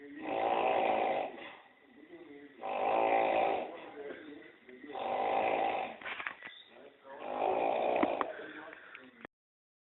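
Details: Staged, acted snoring from a 2011 short film: four loud, rough inspiratory snores about one every two to three seconds, with quieter breathing between.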